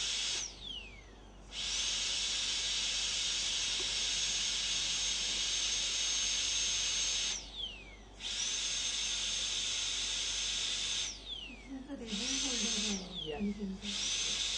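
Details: High-pitched whine of a dental drill running in long bursts with brief pauses, during tooth preparation for a porcelain-fused-to-metal (PFM) crown.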